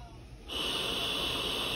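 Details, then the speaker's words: Steady, loud hiss of airflow from an Astral 150 home ventilator running its Learn Circuit self-test, circuit disconnected from the ventilator and oxygen off, in a quiet room. "So you're going to start continue. So right now it is testing the ventilator."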